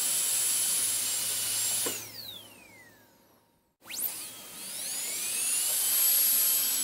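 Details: High-pitched whine of a dental drill winding down to silence, then spinning back up to full speed, from an ASMR sleep-sound recording; dental drill.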